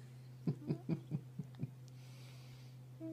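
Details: Cat snoring: six short, rhythmic snorting breath sounds against a steady low hum; snoring.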